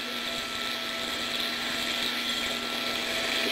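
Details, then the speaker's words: Continuous high-pitched whirring of a high-speed otologic bone drill with water irrigation during transmastoid labyrinthectomy, drilling parallel to the lateral semicircular canal to open the vestibule; the patient has residual vestibular function after transtympanic gentamicin. "Water on, drill on. Water on. Keep hand on face. I'm coming right parallel to the lateral canal. And all I'm doing now is just opening up the vestibule."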